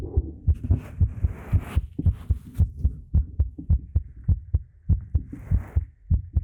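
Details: ASMR talking roleplay recorded on a 3Dio Pro binaural microphone: steady low double-thump heartbeat at about 110 per minute with soft rustling, portraying an embarrassed woman whose heart beats faster; heartbeat.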